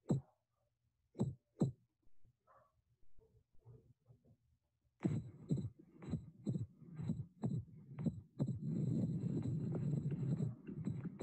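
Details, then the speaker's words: Splitting of the second heart sound, varying with patient inspiration: low heart sounds with S2 heard in two parts. "the next three slides will show you the sound of the splitting of s2 please take note when the patient inspires"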